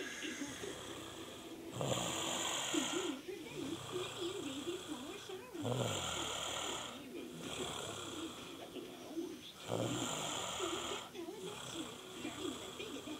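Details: Person snoring during sleep while staying over; loud, rattling snores with a wavering whistle roughly every four seconds, about 15 breaths a minute, little quiet between. Snoring.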